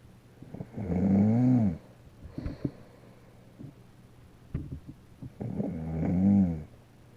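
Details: Man (father) snoring; two long, loud, rattling snores on inhalation about five seconds apart, with faint rustling and movement between them. Snoring.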